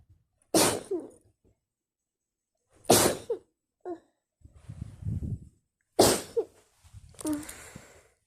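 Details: Sneeze attack in bed at night: three forceful sneezes in quick succession, each a sharp explosive burst, with quiet breathing and rustling between them; a sneezing fit.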